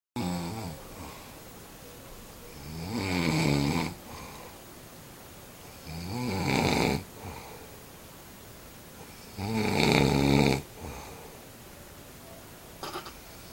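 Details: Three loud, rough snores on the in-breath with quiet pauses between them, about 13 breaths a minute; snoring.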